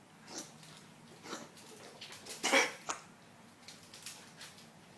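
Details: A dog gives a few short, breathy coughing bursts, one much louder, in a quiet indoor room; owner feels it needs vet assessment: dog cough.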